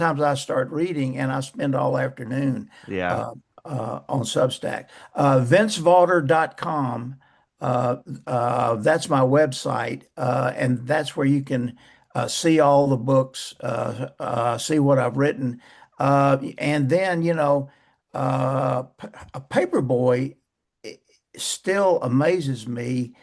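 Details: Adult man who has stuttered since age 11; stuttering.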